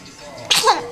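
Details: A single sharp, hissing sneeze with a brief voiced tail from a baby girl who is just waking up and cooing, after quiet room sound.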